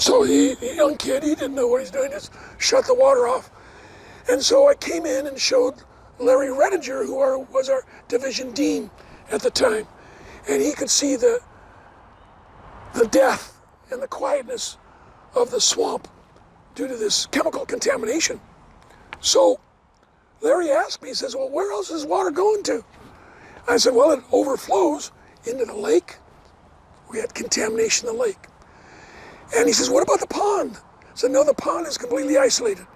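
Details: Adult man, never a smoker, with two bouts of vocal cord cancer (suspected secondhand smoke); one third of vocal cords removed in 2008, leaving raspy voice: dysphonia after partial vocal cord resection.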